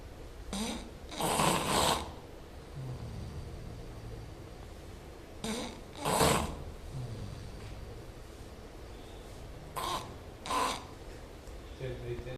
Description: I took this video in flat to show my friend how loudly he snores while asleep.